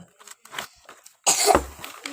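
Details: A single sharp cough from a child who has a cough but keeps playing with a younger sibling, after soft toy-play sounds in a quiet room.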